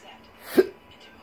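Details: A single sharp, brief vocal hiccup in a quiet room from an adult with persistent intractable hiccups, every three seconds, beginning after surgery; cause undiagnosed, with breathing and choking spasms.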